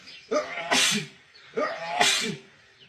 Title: Powerful sneeze fit (male)